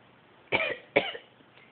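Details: African Grey parrot imitating human throat clearing on its owner's prompting: two quick, harsh, raspy throat-clearing bursts in a quiet room.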